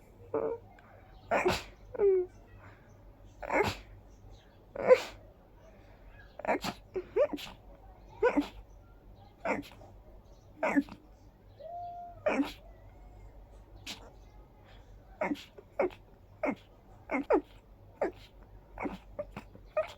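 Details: Tiring sneezing fit attributed to high pollen count plus dust allergy: many short, sharp sneezes in quick succession, around twenty in twenty seconds, with brief breaths between.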